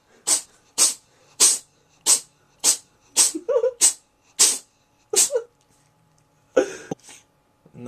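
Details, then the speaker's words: Cat's sneezing attack: a rapid run of about nine short, sharp sneezes, one after another. "this is my cat Sammy I've had this cat for like hold on I'm being rudely interrupted by by epic sneezing"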